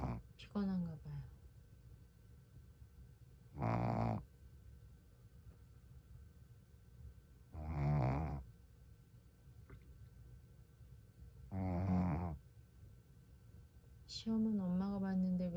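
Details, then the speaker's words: Snoring from a sleeping Shih Tzu dog: three loud, rough snores roughly every four seconds, with quiet breathing between. "강아지가 코를 걸고 자고 있어요"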